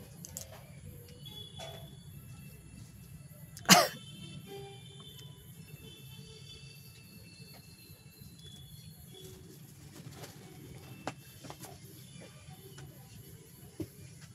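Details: A single sharp, explosive sneeze over quiet background music and room noise; a deliberately induced sneeze in a sneezing-challenge attempt, with watering eyes.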